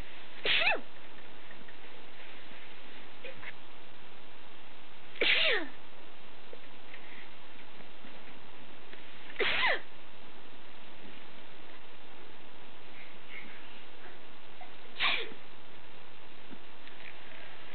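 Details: Sneezing from an adult with photic sneezing (sneezes on looking at bright light), some sneezes from cat allergy, during an allergy-commercial audition: four sharp sneezes spaced several seconds apart over background hiss.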